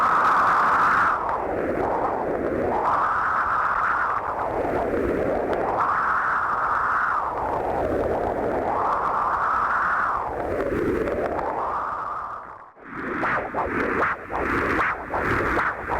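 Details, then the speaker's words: A rising and falling whooshing tone with loud hiss, then pulsing noise, from the monitor when the 20 MHz ultrasonic Doppler probe of a Synovis GEM Flow Coupler is irrigated with sterile saline; the audible signal confirms the probe works. "verify probe function by connecting the probe to the monitor and irrigating the attached probe tip with sterile saline solution. An audible signal from the monitor verifies proper function of the device."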